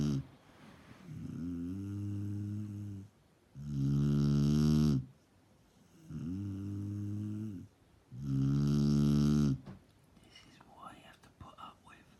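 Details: Loud, deep rhythmic snores on both inhaling and exhaling, about 13 breaths a minute, with quiet pauses between; snoring.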